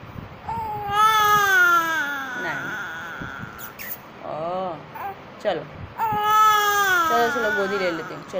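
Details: Loud rising-and-falling wails with sobbing breaks, an ordinary infant cry, with a caregiver's soothing voice faintly behind.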